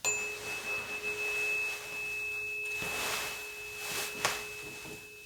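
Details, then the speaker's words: Steady pure ringing of a struck tuning fork, placed by the ear in two positions for a bedside Rinne hearing test. Patient reports position two as louder. Real-person ASMR head-to-toe exam roleplay. "'m going to strike it and cause a vibration and I'm gonna place it right by your ear into positions this is position one and position two and I want you to tell me which one is louder okay"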